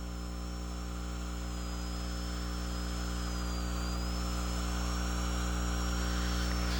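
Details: Dental high-speed handpiece drilling the occlusal reduction of a carious mandibular left second primary molar in a child, under rubber dam, as preparation for a stainless steel crown: steady high-pitched whine over a low background hum.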